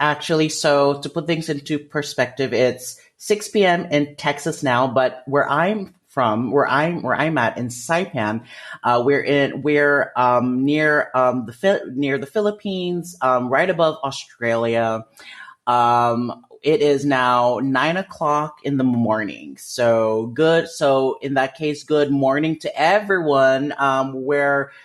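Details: Stuttering since about age 5 in an adult man, which he believes is developmental and inherited.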